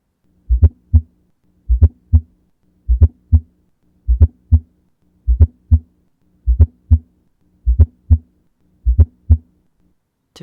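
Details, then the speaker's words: Fourth heart sound (S4) gallop with a "Tennessee" rhythm: slow, regular heartbeat with a soft extra sound just before the first heart sound. "the S3 Rhythm often sounds like the word Kentucky while the S4 Rhythm often sounds like the word Tennessee"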